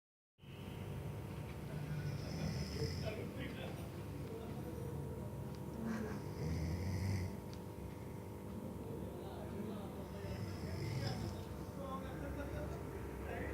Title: What a Deep Snoring Sound! Mr.